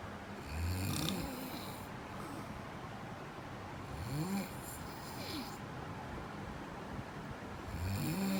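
Loud, low, rattling snores on breathing in, about three in eight seconds, with quiet breathing out between them. Ordinary snoring.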